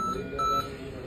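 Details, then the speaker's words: Ventilator apnea alarm: short high electronic beeps on a Siemens Servo 300 ventilator in CPAP mode, sounding after the patient stops breathing for a set time. "आता बघा इथे येतो बघा अलार्म आला अलार्म आला म्हणजे काय झालंय पेशंटला आपण सिपा मोड चालू ठेवलाय आणि पेशंट श्वास घेत नाही म्हणून आला"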